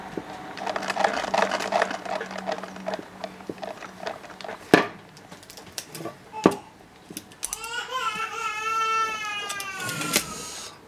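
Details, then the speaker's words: An infant, the speaker's little sister, lying down but refusing to sleep, cries in the background with a drawn-out wail near the end amid room noises; infant crying. "Excusez-moi pour la pleurs du bébé, ma petite sœur est couchée mais ne veut pas dormir."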